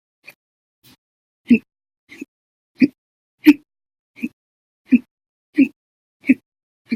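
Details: Rapid, loud, violent hiccups repeating about 85 to 90 times a minute in a quiet room, in an episode after eating that lasted over 10 hours.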